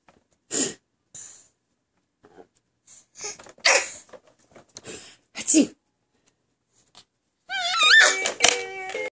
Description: Baby faking to sneeze when his mommy makes the sneezing sound